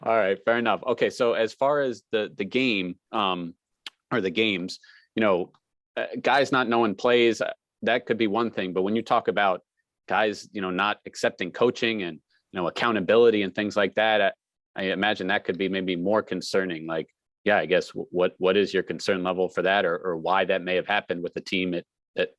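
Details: Adult man (reporter); Normal adult male speech.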